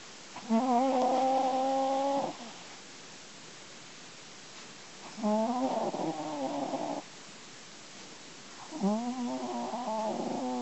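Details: A sleeping cat snores in slow, tonal, whistly bursts roughly every four seconds, about 13 a minute.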